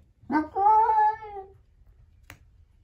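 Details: Cat making weird sounds while pooping, owner asks if it is sick: a single drawn-out wailing meow then a faint click, crying out while passing stool.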